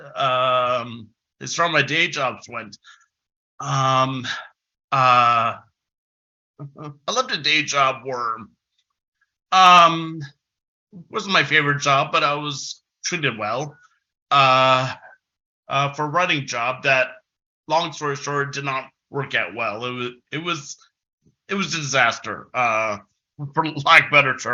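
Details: Adult man who has stuttered since about age six, a long-standing stutter he once tried to fix but now accepts; stuttering.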